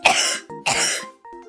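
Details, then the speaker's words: Two short, harsh coughs in quick succession from an adult streamer with a persistent cough, said not to be contagious, covering the cough with a plush toy; soft background music. "I'm coughing on hootsie hoot is like the parrot I'm coughing on it's okay I'm using him to cover my cough so that it doesn't spread Beyond Myself"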